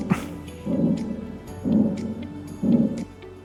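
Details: Kyoto Kagaku MW43 abdominal examination simulator manikin playback: soft, regular low pulsing sounds, about 64 a minute, with faint clicks; normal renal artery sound without bruit.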